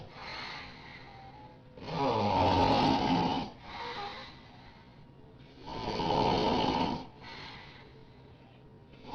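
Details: A friend's very loud, rough snoring on each breath in, about 16 breaths a minute, with quieter breaths out between; snoring.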